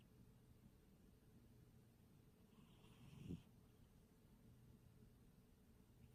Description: My cat snoring